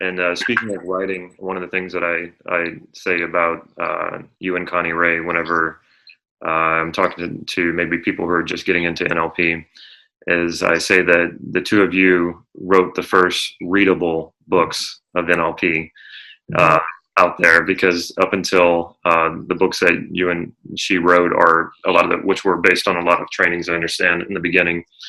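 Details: Adult male speaker; normal speech.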